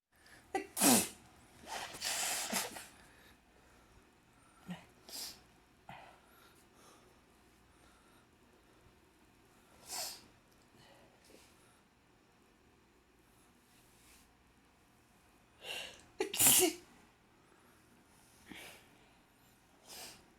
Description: So sneezy on an allergic day